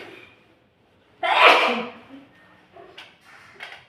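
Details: Dust-triggered sneeze: one loud explosive sneeze from an adult, followed by soft breathing and small sounds.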